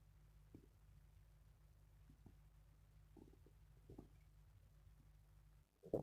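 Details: Faint, scattered low gurgles and short rumbles from a person's stomach over a steady low hum; ordinary stomach growling, bowel sounds.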